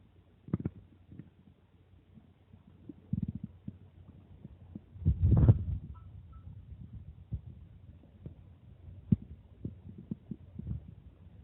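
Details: Stomach growling after drinking water: low gurgling and bubbling bowel sounds with scattered clicks and one longer rumble, ordinary borborygmi.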